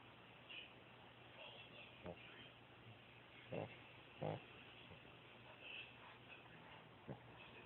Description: Hercules snoring away on the bed.